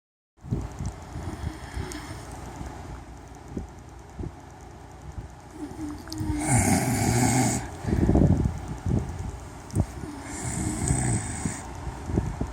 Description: I couldn't sleep one night so I figure why not record my husband snoring to play for him so he could listen how loud he is